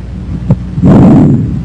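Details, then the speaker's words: Educational auscultation recording: intermediate pitch and intensity, equal inspiratory and expiratory duration, silent gap may or may not separate them, normally heard at first and second interspaces anteriorly and between scapulae posteriorly; bronchovesicular breath sounds. "bronchovisicular sounds have an intermediate pitch and intensity inspiratory and expiratory sounds are about equal in duration and a silent gap may or may not separate them"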